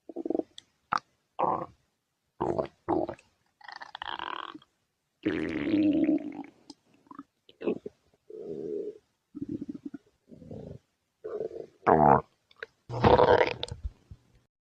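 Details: Stomach growling (borborygmi): irregular gurgles, squeaks and low rumbles of normal bowel sounds from moving gas and fluid.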